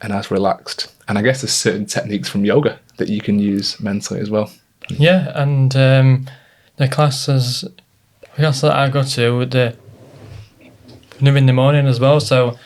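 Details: Adult man with a stammer since childhood, treated with speech therapy, worsened by stress and nerves; stuttering (stammer).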